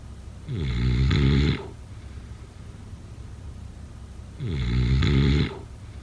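Two loud, low, rattling snores on breathing in, about four seconds apart, with quiet breathing out between them. Typical snoring.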